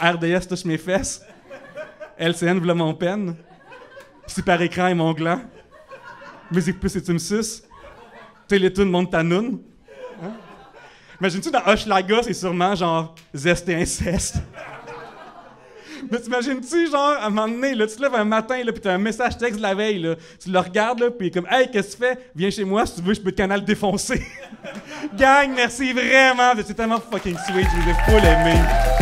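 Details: Adult male whose speech therapist diagnosed cluttering, a rare speech-rhythm disorder making words of four or more syllables hard, and who also stutters; cluttering.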